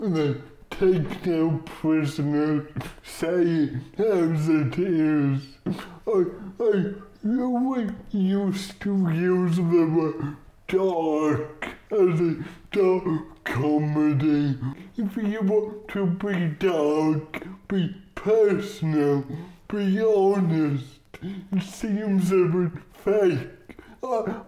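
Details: Adult male comedian with cerebral palsy, whose speech takes audiences a while to follow; dysarthria (cerebral palsy)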